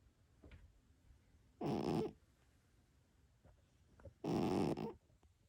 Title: Cat snoring Himalayan Persian funny